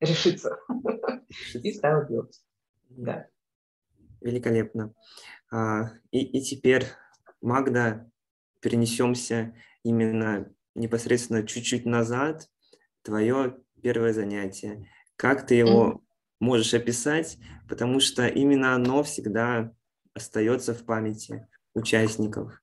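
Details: Adult male speaker; normal speech.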